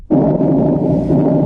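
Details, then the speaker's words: Stethoscope auscultation of a normal person's chest as a teaching demonstration: soft, steady low rushing of air moving freely in and out; normal breath sounds. "இப்ப ஒரு normal பெர்சனுக்கு இந்த ஸ்டெத்த வச்சு கேட்கும்போது அது காத்து கஷ் ஆற மாதிரி இப்படிதான் கே்கம்."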